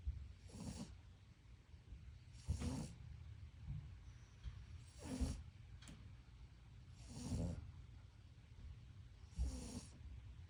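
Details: Sleeping dog snoring loudly: rattling snores, about five in ten seconds, each with a snorting hiss on the breath; ordinary dog snoring.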